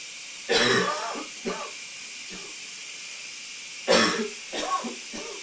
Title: Coughing in a steamy shower (M)